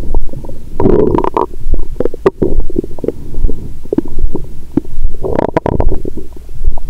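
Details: Near-constant gurgling and bubbling with frequent short pops and a few longer rumbling surges over an adult woman's abdomen after wine and a meal following a 22-hour fast; period due, bloated: active bowel sounds.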